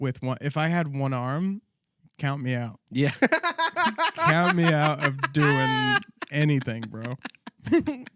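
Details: Adult male speaker; ordinary speech.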